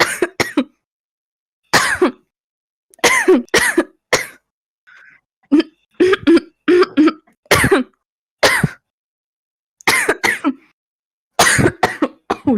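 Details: Young female smoker with constant heavy throat clearing and natural fits of deep barking coughing; repeated harsh, forceful coughing bursts; severe barking smoker's cough.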